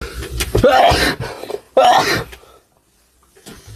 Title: idols sneezing core